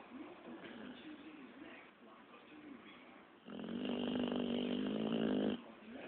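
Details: Sleeping pitbull dog: soft rhythmic breathing noises followed by a louder, buzzing, rattling snore on a breath: snoring.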